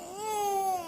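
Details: A young child with a cough and cold whimpers briefly, a fussy, rising then falling high-pitched cry.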